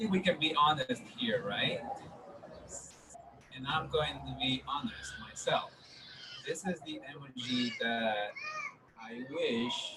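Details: Adolescent boy speaking; stuttering.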